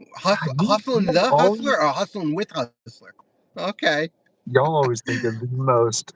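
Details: Adult man with stuttering since childhood, which mostly went away, returned during military service and still recurs; gets caught on words starting with "St"; stuttering.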